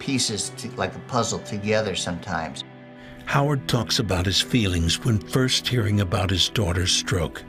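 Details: Adult male narrator; normal speech.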